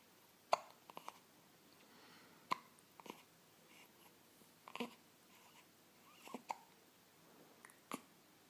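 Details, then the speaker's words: 10-day-old infant's hiccups: about six short, sharp hiccups at irregular spacing, roughly 30 a minute, in a quiet room; the hiccups then stop. "Your hiccups go away. Yay! Good job, honey. Good job. Are we happy about that? Did the hiccups went away?"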